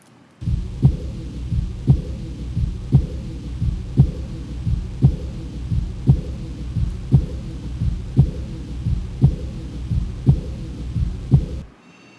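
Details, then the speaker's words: Regular heartbeat near 57/min with a soft, continuous blowing murmur after S2 at the upper right sternal border: diastolic blowing murmur. "हाँ, एक blowing सा मरमर है, बिल्कुल एक blowing सा मरमर है। तो दिस इज़ अ मरमर।"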